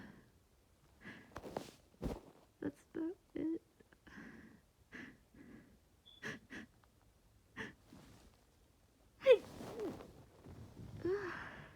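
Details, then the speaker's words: Stifled sneezes, several short muffled bursts with catching breaths and hitched false starts, then a fuller sneeze near the end, from someone with a sinus head cold and headache, held back at 1 a.m. to avoid waking a roommate. "I have mostly causing false starts and me trying to hold them back, so it's not really working. Oh goodness, I couldn't stifle that one."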